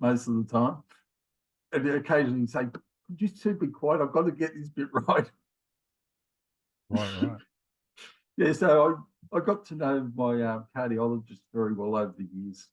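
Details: Man in his late 50s with mild aphasia after a left-sided ischemic stroke in January 2020, with trouble both finding words and getting them started; also history of heart attacks and rheumatoid arthritis; mild aphasia (word-finding difficulty).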